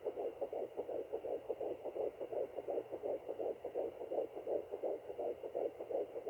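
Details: Rapid, regular whooshing pulses of a fetal heartbeat on Doppler, about 167 beats a minute, at 10 weeks 5 days; an 8-week scan showed two gestational sacs but one baby, and the mother hopes for twins.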